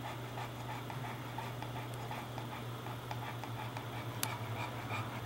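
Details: An English Bulldog cooling down indoors by the air conditioner after playing outside: fast, noisy panting at roughly 180–190 pants a minute over a steady AC hum; panting after exercise.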